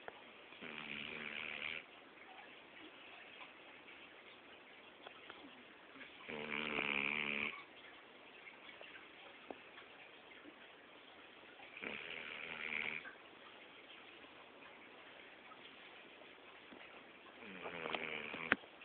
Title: Snoring dog